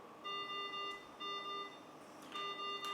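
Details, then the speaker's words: ICU mechanical ventilator given start during a biomedical engineering training demonstration: three repeated electronic beeps as the ventilator starts running. "ثاني واحد عادي طبيعي ما عنده مشكله. بس تعطيه ستارت فنتيليتر راح يبدي"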